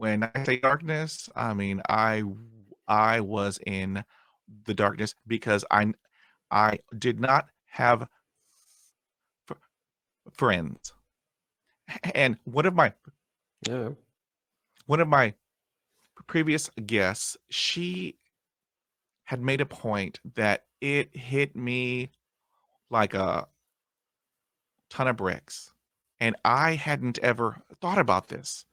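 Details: Adult man who stutters, still getting hung up on words after 20 years of speech therapy; stuttering.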